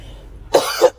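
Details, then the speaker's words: A single harsh, noisy adult cough from a podcast host, who announces that coughing is coming. It bursts out after a quiet moment and ends with a second, louder push. A plain cough. "Excuse me. Coughing will be happening on this audio. If this audio doesn't fail me, coughing will be happening."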